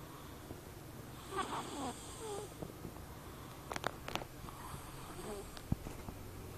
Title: lakas ng snore!!